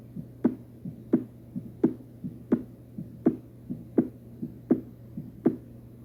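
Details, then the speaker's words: Mechanical aortic valve replacement heard in an MRCP station 3 cardiovascular examination: sharp metallic clicks at about 83 beats a minute, coinciding with the second heart sound. Prosthetic valve disease goes with a midline sternotomy scar. "in Artic valve replacement the click sound will coined with this2 concentrate and"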